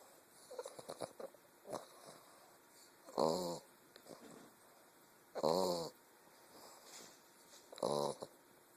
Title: English bulldog puppy snoring